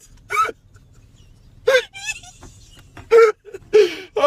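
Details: An adult man in a car with what he calls his worst-ever case of hiccups makes several abrupt, brief voiced hiccups over a faint low hum.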